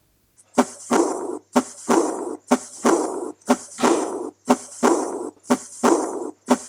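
Regular heart sounds at about 60 a minute, each second sound followed at once by a soft blowing murmur that fades: aortic regurgitation murmur.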